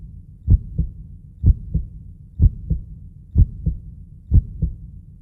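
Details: Heartbeat sound for soothing newborn sleep: steady, regular, soft, low-pitched lub-dub at about 62 beats a minute; a normal heartbeat.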